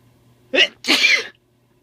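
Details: Sneeze induced with sneezing powder (chhinkni), second use: a sharp inward catch followed by one loud, explosive sneeze, then silence; sneezes not coming rapid-fire.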